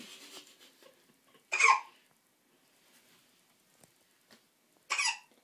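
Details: Baby at bath time with hiccups: two short, sharp catching sounds about three seconds apart in a quiet room; infant hiccups.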